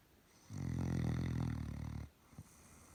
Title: Relaxing snoring Doberman dog